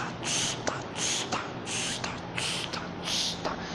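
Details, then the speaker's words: Systolic murmur of mitral regurgitation from valve damage by a large mitral vegetation in infective endocarditis: rhythmic high-pitched blowing whooshes at about 85 per minute with each ventricular contraction. "E isso vai ser auscultado como um sopro sistólico. Por quê? Porque toda vez que o ventrículo contrair, ele vai mandar um sangue turbilionar aqui no meio dessa válvula."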